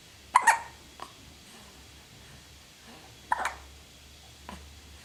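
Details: Juniper hiccups and turns her head: two short, abrupt hiccup jerks about three seconds apart, each followed by a faint click, in a quiet room.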